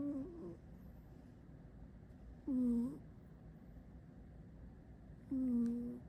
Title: My cat snore!!